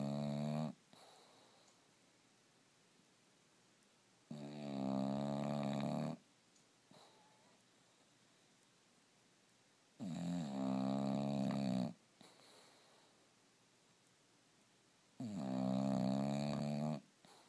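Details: Bulldog asleep, recorded on an iPhone 4s in the dark with only its LED light: loud, rattling snores about every five seconds (near 11 a minute) with quiet exhales between. Steady snoring.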